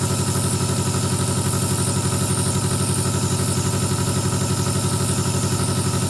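Steady loud motor hum with fast regular pulsing, a nebulizer compressor running continuously.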